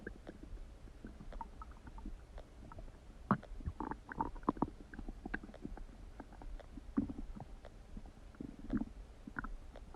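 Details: Huge stomach noises recorded close to the belly: irregular gurgling, bubbling and squelching with low rumbles; loud bowel sounds, ordinary stomach rumbling (borborygmi).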